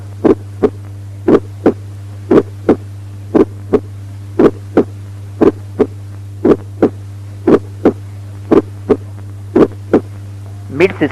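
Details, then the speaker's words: Teaching recording of an ejection systolic click: regular heart sounds near 58 beats a minute, with a sharp click occurring just after the first heart sound. "Ejection systolic click occurring just after the first heart"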